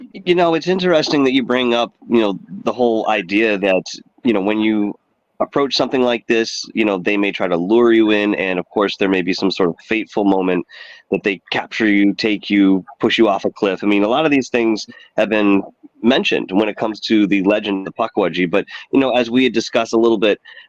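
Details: Adult man speaking; ordinary speech.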